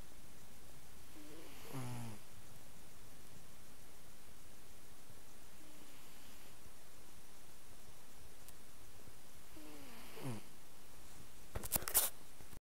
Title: My cat snoring... Lol.